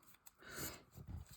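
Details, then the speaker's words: A dog snores during a nap: noisy breaths rise and fall, ending in low rumbling vibration, heard in the background of a quiet indoor room; snoring. "est-ce que vous entendez ronfler Théo derrière c'est Durin vous savez les siestes le siestes du chitsou"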